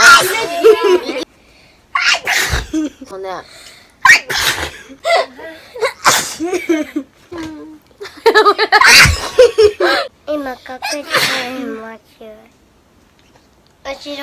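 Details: Japanese girl sneezing repeatedly: several bursting sneezes mixed with chatter and laughter.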